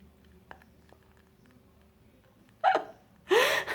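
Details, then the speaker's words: Hiccups, two soft abrupt catches in a quiet room, then two loud vocal bursts of uncontrollable laughter; hiccups then stop. "Hiccups can be controlled by breathing. Okay. See that gone?"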